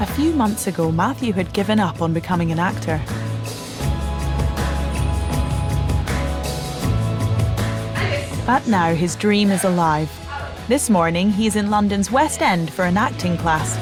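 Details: Adult narrator; typical speech.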